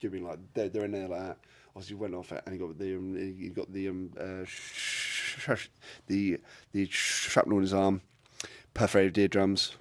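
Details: Adult man with a lifelong stutter; a speech therapist linked it to signalling between brain and mouth muscles and to breathing and speech timing; stuttering.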